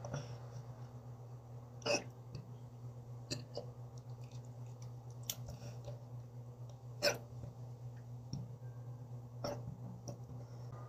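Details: Hiccups: brief, sharp hiccup-like clicks recurring irregularly every few seconds over a steady low hum.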